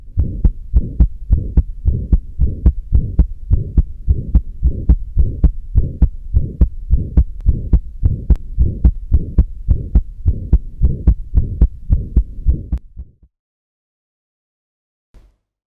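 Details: Atrial septal defect: rapid regular heartbeat with wide splitting of the second heart sound and a short soft systolic murmur, heard at the pulmonary area or left sternal edge.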